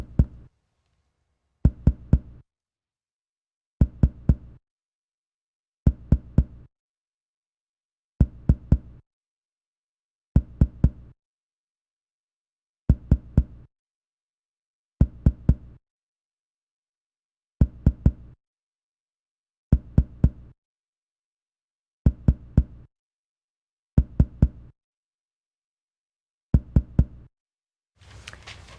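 Thirteen short groups of two or three low, hollow taps across the back of the chest: normal percussion, resonant over lung and dull over ribs.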